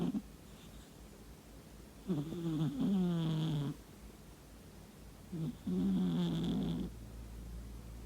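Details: Sleeping cat snoring in the morning: two low, rattling, voiced snores about a second each, several seconds apart, over steady room hiss; caption also mentions sleep-talking.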